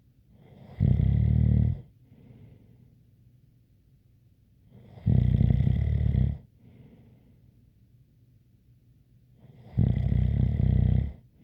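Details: Three loud, low rattling snores about four seconds apart, each followed by a soft exhale with a faint light whistle.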